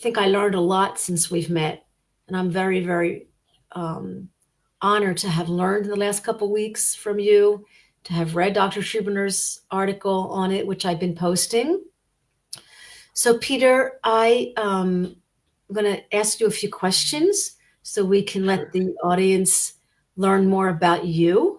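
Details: Adult woman speaking; ordinary speech.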